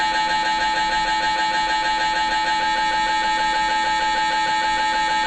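Loud, steady, rapid mechanical buzzing and knocking at about 190 pulses a minute, typical of an MRI scanner running a scan.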